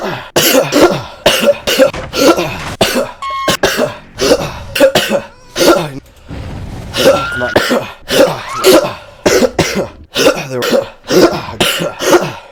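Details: A person with COVID coughing: repeated loud, harsh cough bursts in quick runs with short pauses between.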